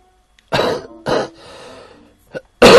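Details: Adult man coughing during a live stream; he says he has pneumonia and has been wheezing since the previous day, wondering about asthma.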